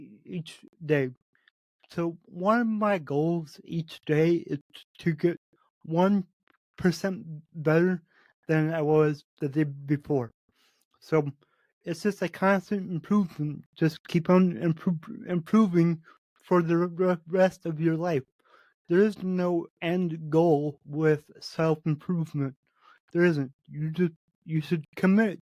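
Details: Adult man with cerebral palsy affecting every muscle of his body; he says his speech is much better than 8 months earlier and improves as his health improves; dysarthria (cerebral palsy).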